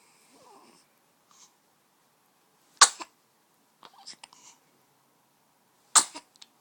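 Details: Two sharp explosive sneezes about three seconds apart, each with a quick rush of air, and faint softer sounds between; sneezing.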